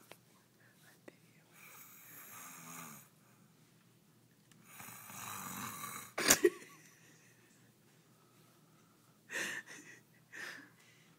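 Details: Sleeping man snoring: slow, breathy, fluttering snores, about three breaths with pauses between, with brief faint room sounds.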